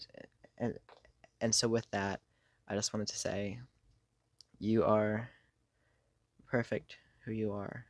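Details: Adult who has stuttered for most of their life, worsening over the past few years, with blocks, getting stuck on words and substituting words; stuttering.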